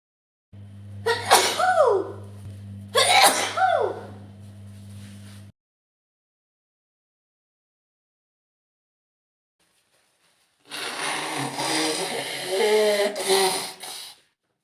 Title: Scenario: Sneezing roommate with a cold (F) | part 2: day full of sneezes and nose blowing